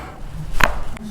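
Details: Chiropractic neck adjustment of a Vietnamese woman treated for neck and shoulder pain: a single sharp crack, a neck joint cavitation.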